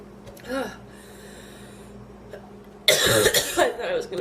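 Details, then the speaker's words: A faint sound, then a loud run of harsh, voiced coughs and gasps, from a woman who had just inhaled part of a sandwich while eating and felt lightheaded: coughing fit after inhaling food. "ugh uh oh i was just eating a sandwich and i inhaled part of it"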